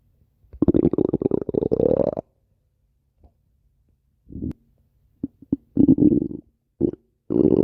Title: stomach growling 23